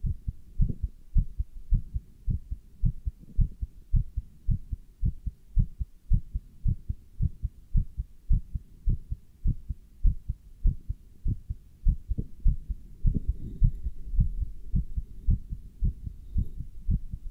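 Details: Person wearing a stethoscope and chest band while standing still and lifting dumbbells: regular low heartbeat thumps, about 105 beats a minute, mildly fast as with exertion; normal heart sounds.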